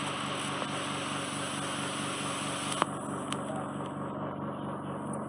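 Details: Ear microsuction with a Zoellner suction probe under endoscopic view, removing hard wax and dead skin off the eardrum; steady mechanical hum and hiss of the suction machine with a couple of sharp clicks as wax is drawn in.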